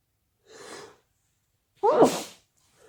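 A soft breathy intake, then one sharp, explosive sneeze; sneezing linked to allergy.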